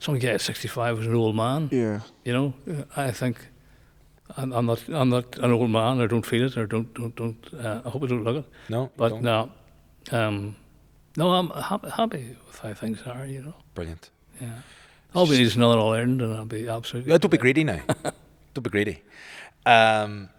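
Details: Male nearly 65 with Parkinson's disease who noticed a voice change before diagnosis and has word-finding difficulty; hypokinetic dysarthria (Parkinson's disease speech).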